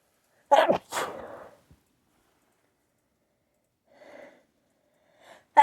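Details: Two loud explosive sneezes in quick succession, then quiet with faint nasal sounds like nose blowing; ordinary sneezing.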